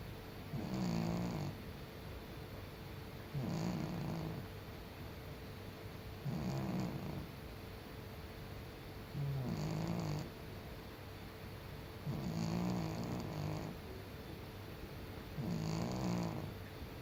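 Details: Senior cat asleep: soft, regular rattling snores at about 20 a minute, with faint room hum; cat snoring.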